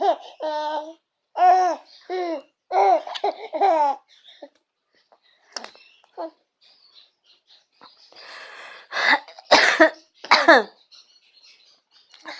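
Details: A baby laughing and babbling, followed by a few short coughs from the baby's mother.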